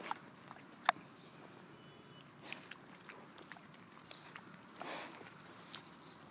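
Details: Two pet pigs rooting about in a quiet room with faint snuffling clicks, then two short, breathy sneeze bursts.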